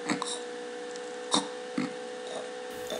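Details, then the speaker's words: Snoring turning into choking as the airway fully collapses during sleep, demonstrating obstructive sleep apnoea with choking episodes. "если ситуация прогрессирует дальше то дыхательные пути полностью спадаются и возникает у души и"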